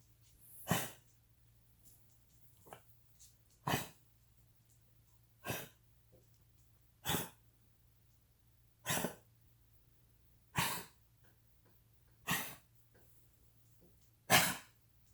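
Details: Cavalier King Charles Spaniel with diagnosed degenerative valve disease and intermittent fluid in the lungs: about eight harsh, dry coughs in a slow series, a cardiac cough from an enlarged heart pressing on the trachea.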